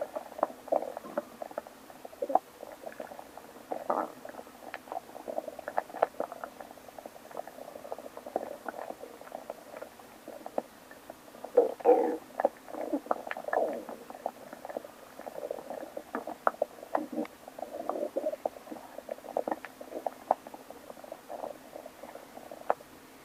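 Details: Continuous gurgling, bubbling and clicking stomach growling after waking up, loud and typical of active bowel sounds (borborygmi).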